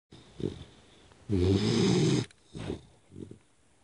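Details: 3-month-old Pitbull puppy sleeping on a lap, snoring: short snorty breaths and one loud, rattling snore lasting about a second.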